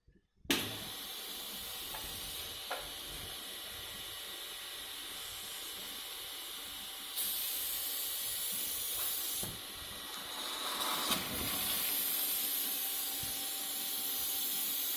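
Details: Nursing skills-lab demonstration of nasal suctioning: catheter inserted about 10 cm into the nose, suction about 10 seconds, withdrawn with rotation; steady suction hiss with brief clicks and pitch shifts; suction machine in use.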